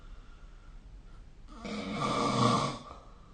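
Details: Snoring in a sleeping adult, recorded with the SnoreLab app: one harsh, rattling snore lasting about a second and a half.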